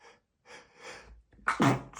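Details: Male, stifled sneeze from cleaning dust: soft breathy catches build to a sharp, muffled burst held back by the mouth.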